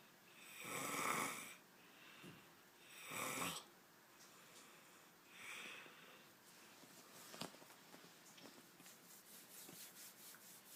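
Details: Loud snoring during sleep, keeping a listener awake: breathy, rattling snores with each breath for a few cycles, then quieter breathing.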